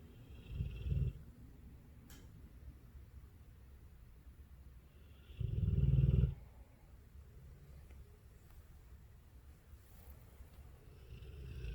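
Deep, low rumbling snores from a large dog, spaced several seconds apart with quiet breathing between.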